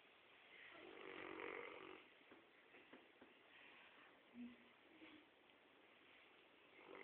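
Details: A sleeping Rottweiler dog's soft, rough snoring, rising and falling with slow breaths.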